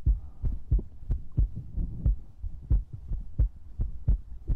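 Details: ASMR recording of a heartbeat with breathing and mouth sounds; deep, regular thudding heartbeat, roughly 90 beats a minute, heard close up with soft rustle between beats.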